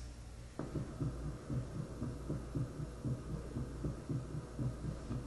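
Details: Normal heart sounds from an adult auscultation training mannequin (heart and lung sound simulator), heard via stethoscope; simulated.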